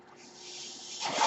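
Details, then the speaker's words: Soft airy hiss swelling to a louder rush of air, the flow sound of the speaker's own mechanical ventilator heard during a podcast recording. "noise you're hearing is my ventilator, and thank you for tuning in to Page Turners They Were Not, my Star Wars podcast."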